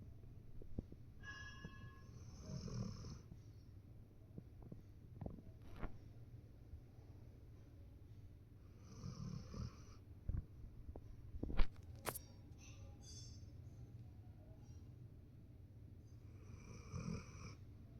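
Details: A 14-month-old German Shepherd snoring while asleep: soft, low snores repeating every few seconds along with quiet breathing noise.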